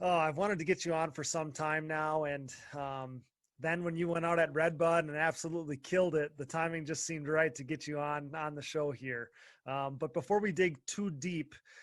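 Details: Adult male speaker; typical speech.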